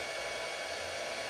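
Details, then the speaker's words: Home IPL hair removal on the underarms with a handheld Bosidin device: a steady whooshing fan whir while it is pressed to the skin and flashes, moving slightly upward between flashes. "what I'm gonna do is I'm gonna press, and you guys are gonna see. That's one little light, and then I slightly go up, and then you're gonna see the light flashing"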